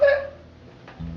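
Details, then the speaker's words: Brief, sharp, high-pitched hiccup-like throat sound from an adult with Tourette syndrome; vocal tics (throat-scratching or hiccup sounds) began in later high school, motor twitches since about age eight. "as I got in later into high school I started having the vocal ticks where I would so like I'm scratching my throat or a hiccup sound um sometimes it's a little more high pitch like"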